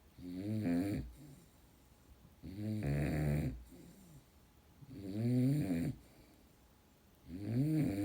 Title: The Weed Whacker Snoring Dog